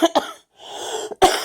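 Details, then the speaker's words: Adult patient on radiation treatment day 2, after a stent was removed, with airway inflammation, gives a small cough with slight wheezing, much improved from before; cough. "That's my cough now, which isn't too bad, right? Yeah, I just have some inflammation in here, which causes a little bit of wheezing and that little bit of a cough, which is, wow, way so much better than it was before, right?"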